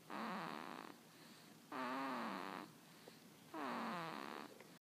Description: Baby snoring